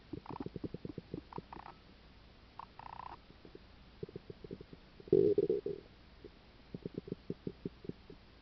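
Quiet rapid gurgles and brief rumbles from the belly, with one louder gurgling burst: active bowel sounds, linked here to a stomach ulcer.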